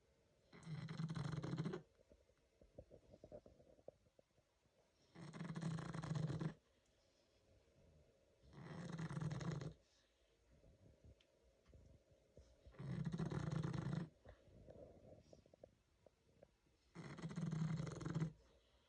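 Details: Female pug almost 11 years old snoring: five loud, rattling snores at a steady pace, about 16 a minute, with quiet snuffly breathing between; dog snoring.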